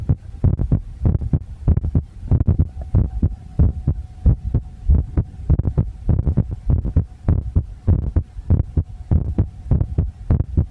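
Muffled, irregular-sounding low thumps about 100 a minute with a faint steady hum in the background; a rough heartbeat recording.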